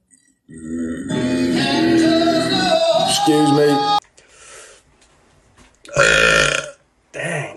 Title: Random TikTok guys burping